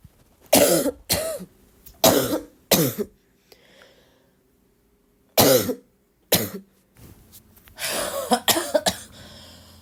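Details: About nine harsh, forceful, barking coughs in short runs with pauses between; repeated coughing during an ongoing illness.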